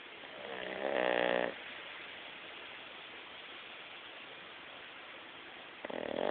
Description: This is our dog Beef, snoring.